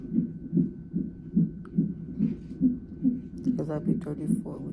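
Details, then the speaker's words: Fetal heartbeat on the fetal monitor in labor and delivery triage at 34 weeks pregnant. The mother had sharp pain and pressure, and the baby is head down. Rapid, regular whooshing pulses at roughly 140–150 per minute, with brief talk at the end. "I just had a very very sharp pain look at hear the heartbeat they got me on the [Music] monitor this is what they got me on"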